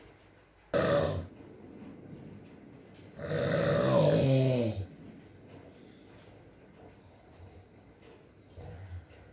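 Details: Sleeping adult man: a short snort, then a longer rattling, groaning snore, quiet breathing and a faint later snore, with rain in the background in an ASMR recording; irregular snoring.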